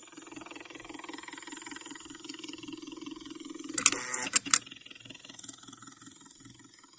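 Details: IV infusion pump recorded during a hospital stay: quiet rhythmic ticking motor pulses with a brief burst of louder clicks and beeps.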